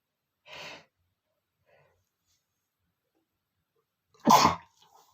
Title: male sneezing #38,5 (My Uncle and aunt's room is dusty! )